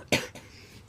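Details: One short, sharp cough burst in a small room from a person who says they are sick with a cracky voice; cough.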